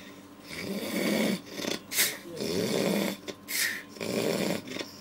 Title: Worst Snore